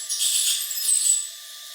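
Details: Ultrasonic dental scaler (Cavitron/Piezon) used on extracted teeth coated with yoghurt-and-clay biofilm in an aerosol test: brief high-pitched hissing, whining spray lasting about a second.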